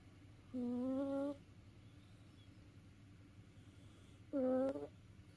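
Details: Two drawn-out, buzzing hum-like snores with quiet pauses between, from a house cat asleep after tiring itself out playing; snoring.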